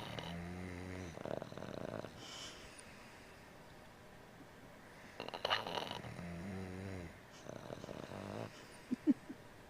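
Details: Boston terrier and a man asleep and snoring together: two loud rattling snores about five seconds apart, each with a fluttering buzz, over quiet room noise; snoring.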